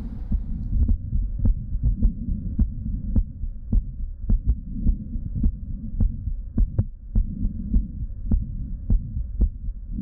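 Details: Woman with lipoedema: slow, steady heartbeat over the aortic and pulmonic areas, heard with bell and diaphragm, with a soft whooshing diastolic murmur and an extra low sound before each beat, a fourth heart sound.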